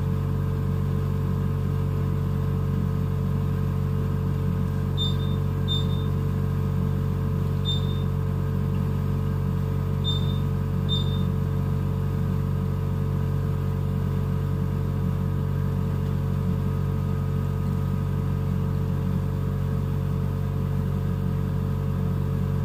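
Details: Neonatal ventilator in a NICU: steady low mechanical hum with a few brief high electronic beeps.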